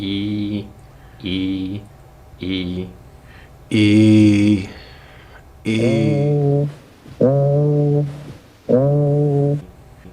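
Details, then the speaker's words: Egophony on chest auscultation: patient saying "ee" sounds like a nasal "ay", suggesting underlying lung consolidation; teaching example in thorax and lung examination. "when II sounds like a and has a nasal quality as in this example egophony is present suggesting underlying consolidation of lung tissue"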